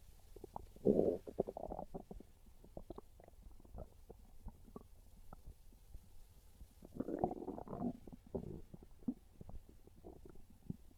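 Irregular gurgling rumbles and low growls from the belly, louder bursts near the start and middle; ordinary hunger stomach growling.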